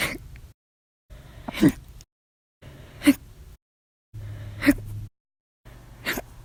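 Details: Sharp sudden gulping catches in the breath, about one every 1.5 seconds; repeated hiccups, violent and loud, in an episode lasting 10 hours 51 minutes after meals and 2 cups of soda; audio only.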